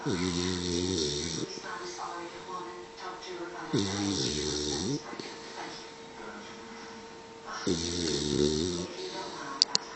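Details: 3-month-old male Pitbull puppy sleeping next to owner: three loud rattling snores with quieter breathing between; ordinary snoring.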